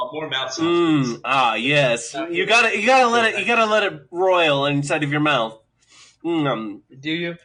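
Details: Adult male speaker; dysarthric speech in cerebral palsy.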